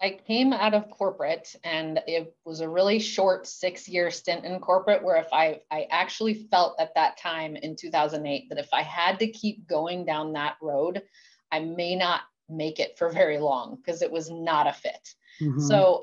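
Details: Adult woman speaking; Normal speech.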